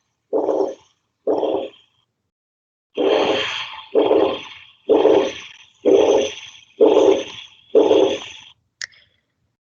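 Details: Tricuspid regurgitation murmur.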